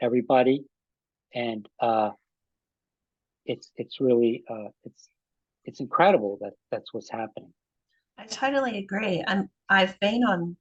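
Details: Aphasia in an adult man about five and a half years after an ischemic stroke that occurred together with a heart attack; ongoing trouble with names and word tenses.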